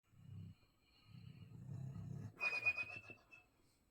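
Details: Snoring in a sleeping chocolate Labrador: low rumbling snores followed by a high, whistling squeak on the out-breath, likened to a cartoon character.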